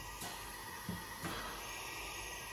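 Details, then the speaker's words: Simulated spontaneously breathing patient on a mask with a fully open mechanical CPAP at 15 L/min flow, no PEEP yet: steady hiss of gas over the CPAP valve with faint soft bursts of breaths. "vamos a abrir el flujo a 15 litros por minuto el balón se defiende pero está toda la fuga abierta y vemos que no hay prácticamente cambios vale se ve perfectamente como nuestro paciente está respirando y se oye"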